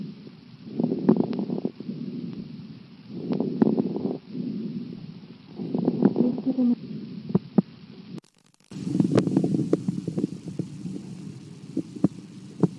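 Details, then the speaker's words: Stethoscope lung auscultation with rough, rumbly breaths and scattered sharp pops: abnormal lung sounds. "et pour terminer sur cette vidéo nous allons écouter quelques bruits pulmonaire"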